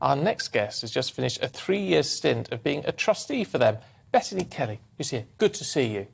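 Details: Adult male presenter; Normal fluent speech.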